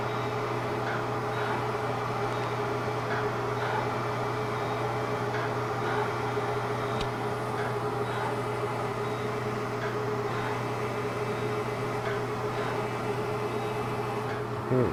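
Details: Fractional CO2 laser (dot therapy) resurfacing on a patient's neck for sun damage and loss of elasticity: a steady machine hum with faint, regular ticking pulses.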